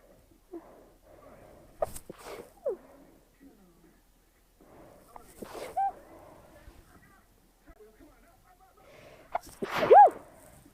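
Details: Stifled sneezes: three quiet, held-back sneezes, each a short sharp burst, with soft breathing between.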